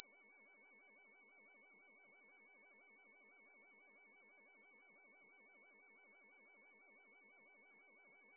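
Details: Simulated tinnitus, a recreation of the person's own tinnitus caused by standing near a concert amplifier: steady, layered, high-pitched ringing tones with a slight warble.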